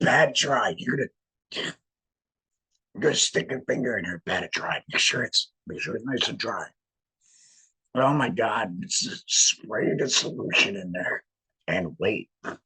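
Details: Male laryngectomee with no larynx speaking through a voice prosthesis in a tracheoesophageal puncture, air directed up through the prosthesis to vibrate muscle; real tracheoesophageal speech after laryngectomy.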